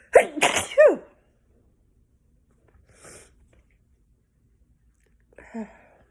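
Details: At home on the fall equinox, feeling very sneezy: a quick double sneeze, then quiet sniffing and a brief vocal sound in a silent room.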